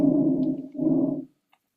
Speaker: That was normal lung sounds. Okay. So, it sounded like just air, right? Just air moving in and then moving back out.